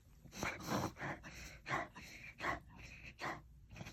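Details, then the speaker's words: Kennel cough in an F1B mini goldendoodle puppy, dry heaving repeatedly over about three hours, owner first suspected something stuck in throat: rapid run of harsh, dry, snorting retches. "as you can see he was like dry heaving and at first i thought maybe something was stuck in his throat that was kind of what came to mind first"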